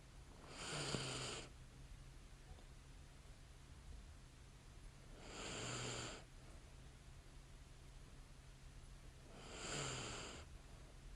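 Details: Light, soft, even snoring breaths, about 13 a minute, from a woman sleeping in bed in a quiet room; light snoring in sleep.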